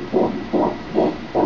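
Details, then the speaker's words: Fetal heart sound turned on with colour Doppler during a 3D/4D ultrasound of a baby girl: rhythmic whooshing pulses at about 160 per minute, judged a good, normal heart. "good heart. Sounds good, looks good."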